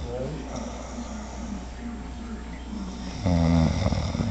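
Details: A sleeping woman who denies snoring, saying she just breathes heavily: low, rumbling breathing that builds into a loud, rattling snore near the end.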